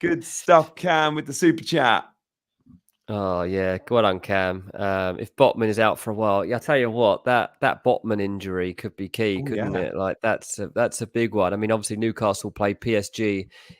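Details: Adult male speaker; normal voice.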